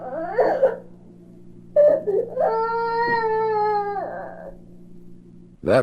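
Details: Normal toddler cry from a 1967 recording of baby sounds for expectant and new parents.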